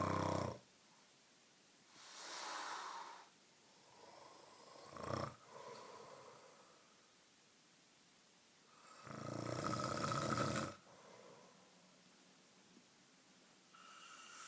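Repeated noisy, rattling breath sounds with quiet pauses between, a few breaths a minute apart: snoring.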